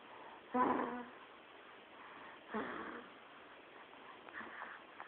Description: My baby is snoring